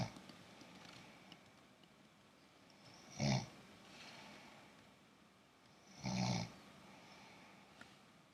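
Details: Man snoring: two loud, rough, low snores about three seconds apart over quiet room hiss; ordinary snoring.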